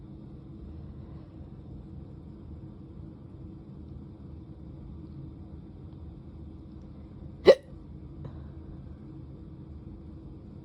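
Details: Hiccup while drunk: one sharp, abrupt hiccup against a steady low vehicle hum.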